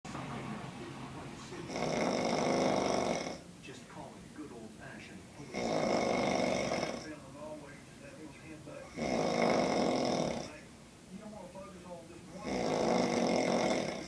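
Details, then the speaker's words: Adult woman (a mother) snoring loudly, heard from upstairs: four loud, rattling snores in about 14 seconds with quieter out-breaths between, about 17 breaths a minute. "yeah that's my mom um yeah just walk away from it she is the loudest snorer ever and I can hear her all the way from upstairs"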